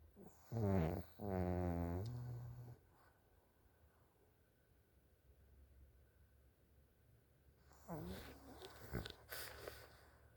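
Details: Very loud snoring from a pug, a flat-faced dog: a low, rattling snore, then quiet breathing and a snort.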